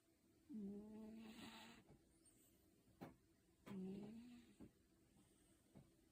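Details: Sleeping cat snoring: two low, buzzing snores on the in-breaths about three seconds apart, faint clicks and quiet room noise between.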